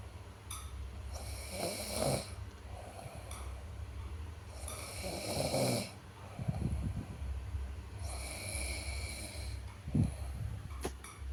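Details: Snoring: loud rattling snores on each breath in, about three in eleven seconds, with quieter breathing between, during sleep.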